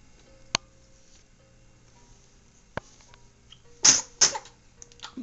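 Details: Sneezing: two sharp, hissing sneeze bursts in quick succession, with a few faint clicks before them in a quiet room.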